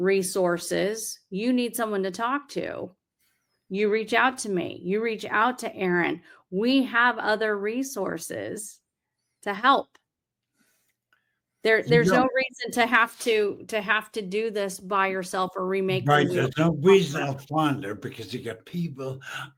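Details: Adult speaker; normal speech.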